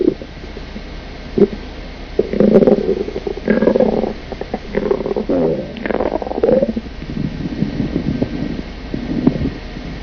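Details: Stomach growling (borborygmi) from an adult woman.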